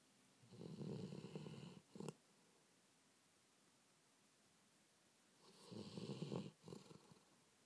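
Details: Snoring during sleep: two long rattling snores about four seconds apart, each ending in a short snort; recorded October 2010.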